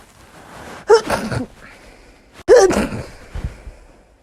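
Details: Two forceful sneezes from a sneezing compilation, each with a sharp intake and an explosive release, a normal sneeze reflex.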